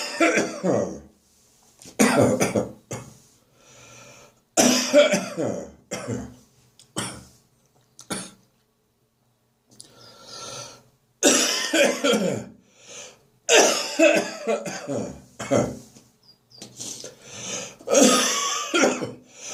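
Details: Adult's repeated harsh, wet coughs and throat clearing, bringing up catarrh in the bathroom first thing in the morning: productive cough.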